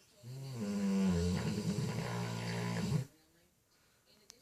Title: cane corso snoring